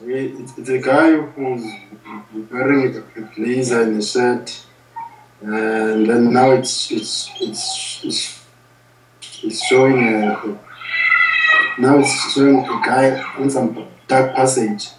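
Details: 35-year-old South African man who has stuttered since early childhood, does not consider it severe, tried several stuttering programs without success, doing a speaking exercise in a 3-day intensive speech course; stuttering.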